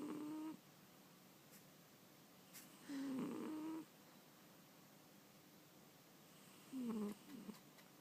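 Quiet whistling, buzzy snores from a sleeping cat, roughly 18 a minute with uneven spacing; ordinary sleep snoring.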